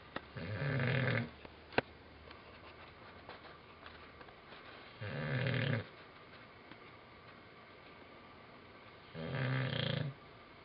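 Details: Sleeping old English bulldog snoring: three loud, rattling, low-pitched snores about four seconds apart with quiet breathing between.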